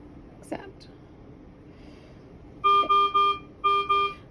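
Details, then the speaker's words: Repeating bursts of rapid electronic tones from a neonatal ventilator's red high-priority alarm, triggered deliberately by changing the alarm limits (low minute-volume limit lowered). It stays red even when silenced until the problem is fixed. "so now my alarm is alarming here and this is a red alarm because that's an important one so I would I can silence it but it still stays red up here until I fix it"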